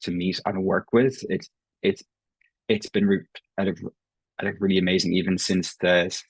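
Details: Irish adult man who has stammered since he can remember, self-identifying prolongations, repetitions and blocks; real, not acted: stuttering.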